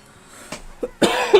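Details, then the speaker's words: A brief, harsh spontaneous adult cough with a short second burst at its end, after a couple of faint breathy sounds, during a casual talk about video games; cough. "I don't normally say bless me for a cough that's weird that sounded really religious"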